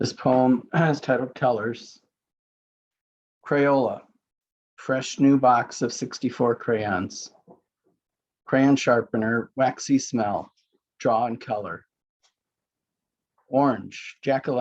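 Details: Adult poet living with aphasia (group includes authors with aphasia and traumatic brain injuries), reading a poem aloud; aphasia.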